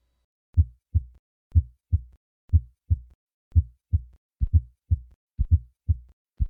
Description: The murmur is a high-pitched, crescendo-decrescendo,midsystolic murmur heard best at the left lower sternal border.